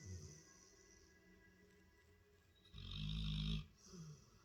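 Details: A Labrador dog asleep on the couch gives one loud rumbling snore, with faint softer breaths around it and background music: snoring.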